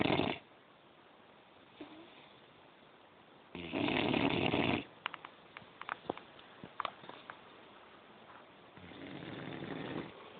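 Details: Sleeping dog snoring: two loud, rough, noisy snores a few seconds apart, a softer third starting at the end, with quiet clicks between.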